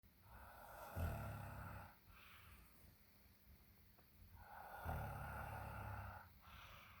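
Two low, rumbling snores about four seconds apart, each followed by a softer breath out, in a quiet room; ordinary snoring.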